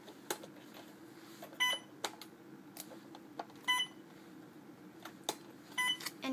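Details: Short electronic keypad beeps about two seconds apart, with soft key clicks and a steady room hum, while a nurse programs a PCA (patient-controlled analgesia) infusion pump.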